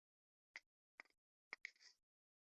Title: My stomach growling